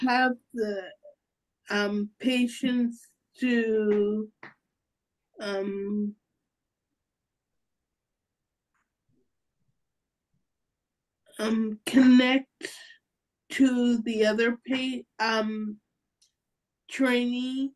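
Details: Real adult woman with aphasia who is a member of an aphasia institute; word-finding pauses and a truncated word; aphasia.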